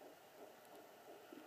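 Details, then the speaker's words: Fetal heartbeat of Baby A on a home Sonoline B fetal Doppler, used for the first time, reading 148 to 160 beats a minute: rapid, soft whooshing pulses growing louder. "it saying 148 150 15 159 160 it's getting loud Baby A's heartbeat"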